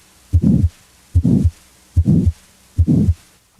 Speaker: a crescendo decrescendo murmur as heard with aortic stenosis first rises in intensity then falls